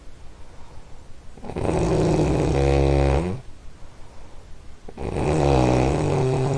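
Loud, deep, buzzing snores on each breath, about 3.5 seconds apart, with a fluttering rattle: heavy snoring during sleep.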